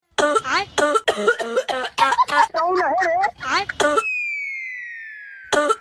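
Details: Acted, exaggerated coughing fit in a comedy short: rapid, loud, strongly voiced cough-like bursts, then a falling whistle sound effect.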